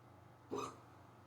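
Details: Severe, rapid hiccups that began suddenly on waking and lasted almost 20 minutes, recorded near their end: a single abrupt, sharp voiced hiccup against a quiet room.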